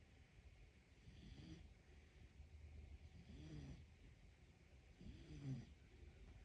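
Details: Pet dog snoring in sleep: soft, rattling snores, about three breaths in six seconds (roughly 28 a minute), over low background rumble.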